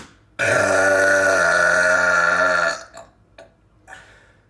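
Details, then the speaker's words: Deliberate burp after drinking soda: one long, loud, voiced belch lasting over two seconds, followed by faint short sounds. "up, guys? It's here, and today we're going to be burping with soda."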